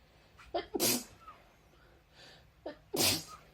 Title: Sneezing girls Covid-19 funny nasal swab test sneezing - කොරෝන පරීක්ෂණය කරන ටික්ටෝක් වීඩියෝ